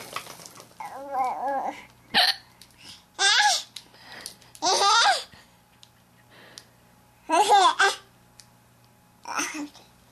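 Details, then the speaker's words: Mother with hiccups: abrupt, sharp adult hiccup sounds come repeatedly while her baby babbles and laughs at them in between. "mommy has hiccups yeah I have the hiccup"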